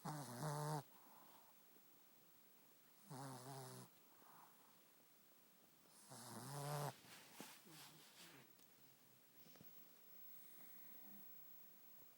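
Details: Short-snouted animal sleeping soundly, snoring heavily: loud rattling snores about every three seconds with quieter breathing between.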